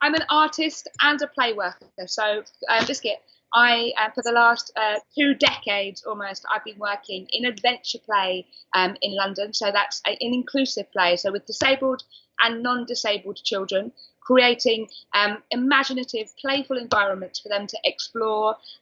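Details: Adult woman diagnosed with Tourette syndrome at age 20, with frequent involuntary vocal tics such as 'biscuit', 'hedgehog' and 'cat' interrupting her speech; Tourette syndrome vocal tic.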